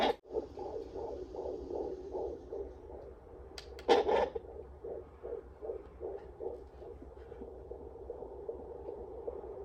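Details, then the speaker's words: Fetal heartbeat on a home fetal Doppler bought online, mother's fourth baby, found after moving belly fat and adding oil: fast, regular whooshing pulses at about 155 beats a minute, a normal fetal rate. "let's see the heart rate is 155 which is good you want your baby's heart rate to be like 150 something"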